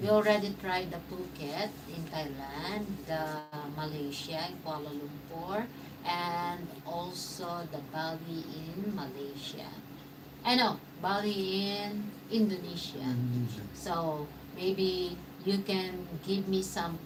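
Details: Mild aphasia after stroke in a man 115 days into self-therapy; restarts his sentence with hesitations.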